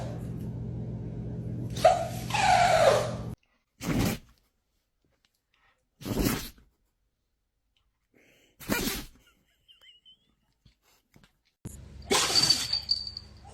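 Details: Several dogs sneezing: a series of short, sharp nasal bursts separated by silence, with some snorting and rustling.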